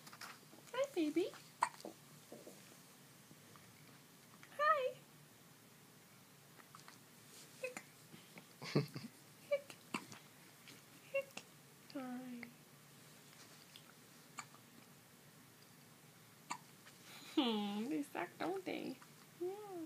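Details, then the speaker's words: Three-day-old newborn with hiccups: soft, abrupt hiccup catches at irregular intervals among newborn squeaks and grunts, with adult voices nearby. "yeah nobody likes the hiccups"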